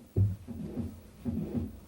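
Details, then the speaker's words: Simulated heart sound from a computer-based medical teaching program, played through a stethoscope tool at the heart-listening position: low thumps with a soft rumbling whoosh filling the gaps, a murmur in a dizzy patient who also has an arrhythmia. "we can hear that there's a bit of a murmur in this patient so that gives us maybe some idea about why our dizziness"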